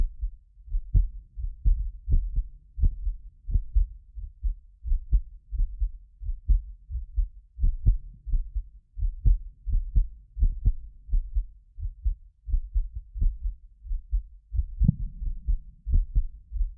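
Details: Heartbeat of a medically fit adult recorded with more than six precision contact microphones; regular lub-dub at about 85 a minute, occasional doubled clicks from a 6 ms microphone delay, not disease; normal heart sounds.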